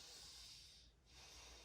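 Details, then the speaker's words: Simulated head-to-toe nursing assessment (ASMR role-play): patient occludes one nostril at a time and breathes in; two brief clear sniffing nasal inhalations with a pause, airflow clear each side; nasal mucosa pink and moist; nasal inhalation. "Okay, I'm gonna have you occlude one nostril. Breathe in. Occlude the other one. Breathe in."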